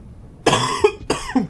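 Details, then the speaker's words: Adult who says they are sick and sniffling: two short, forceful harsh coughs in quick succession in a quiet room. "yes I'm sick that's why I'm coughing that's why I sound like [ __ ] and so I'm sniffling every so often and that's part of the reason why I haven't made a video"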